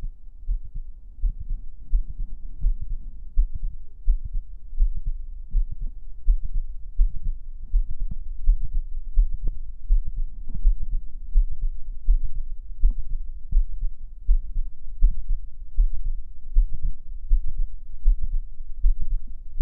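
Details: Heartbeat sounds from an ASMR stream recorded with a 3Dio binaural microphone: low, soft repeated thumps at about 80 a minute under a steady hum.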